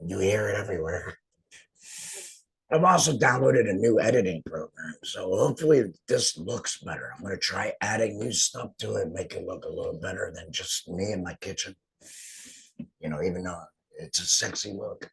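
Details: Adult man speaking; alaryngeal speech after total laryngectomy.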